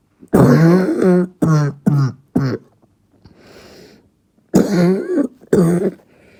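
A child gives repeated harsh, voiced barking coughs in short bursts, typical of a croup-like barking cough.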